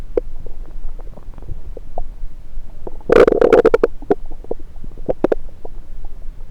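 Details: Stethoscope on various sites of the recorder's own belly: scattered gurgles and clicks with a short burst of louder bubbling rumbles, active bowel sounds.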